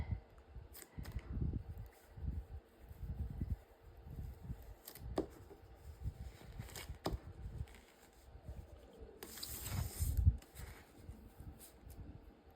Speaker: there's one and if you can hear my stomach growling I'm very sorry it's what happens I get in my craft room and I don't even stop to eat